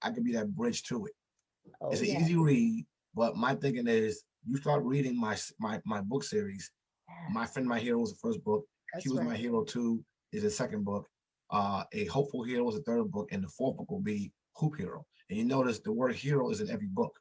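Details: Adult man who has stuttered since childhood; he describes it as a very serious speech impediment that he still has and that others can hear. Heard in conversational podcast speech. Stuttering.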